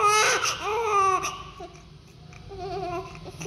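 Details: Newborn, the mother's first baby, in a deep cry: loud, wailing cry in drawn-out bursts that trail into softer whimpers, in a small room.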